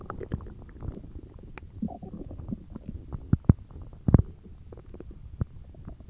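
Low, irregular gurgling and rumbling with scattered pops and squelches, typical stomach growling.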